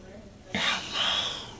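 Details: Weak alaryngeal voice in a man about six months after laryngectomy, with a hypotonic pharyngoesophageal segment; he says 'hello' with his head in neutral position, giving poor loudness.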